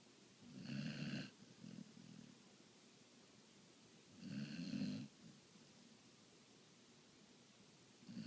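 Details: Snoring: two low, buzzing snores about 3.5 seconds apart, roughly 17 breaths a minute.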